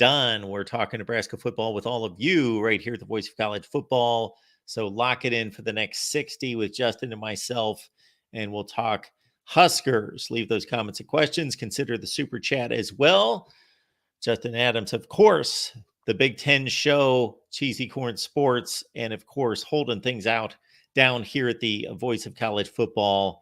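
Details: Adult male speaker; normal speech.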